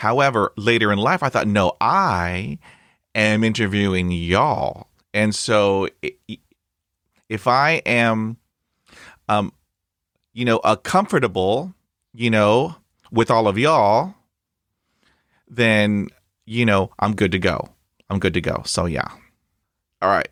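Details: Adult man who stutters, hosting a real podcast; this stretch has repetitions. Finding: stuttering.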